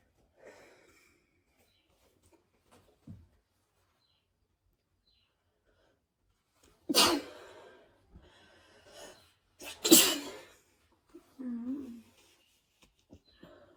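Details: Two loud sneezes a few seconds apart from a person with a cold who is very sneezy, each with a sharp inhaled build-up, then sniffing and a faint breath in a quiet room: sneezing.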